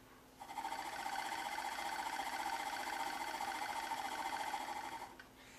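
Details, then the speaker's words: Acapella oscillating PEP device demonstrated for asthma management: after a deep breath in while sitting up straight, the user exhales against the resistance, producing a steady fluttering buzz for about five seconds. "So, what you do is take a deep breath in, sit up nice and straight, or stand up, fill your lungs up, and then exhale against that."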